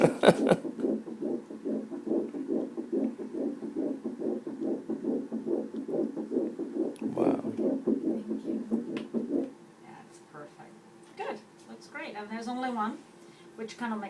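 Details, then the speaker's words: Fetal heartbeat on Doppler during an ultrasound at 7 weeks 3 days of pregnancy: fast, regular whooshing pulses at roughly 140 a minute, then quiet with faint talk; the embryo is seen and no bleeding is noted. "that's the gestational sag and that's the embryo oh my gosh so i'll let you know when i put the doppler on it okay"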